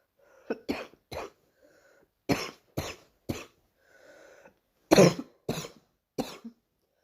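About nine short, harsh coughs in clusters with faint breaths between; a repeated morning cough.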